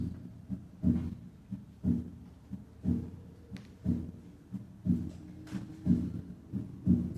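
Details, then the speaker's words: Paradoxical splitting of the second heart sound in left bundle branch block and aortic stenosis: P2 precedes A2, and the split widens on expiration and narrows on inspiration; 60 beats per minute. "el desdoblamiento paradójico se muestra en la figura 13 en un caso de bloqueo de Rama izquierda y estenosis aórtica escuchemos primero a 60 latidos por"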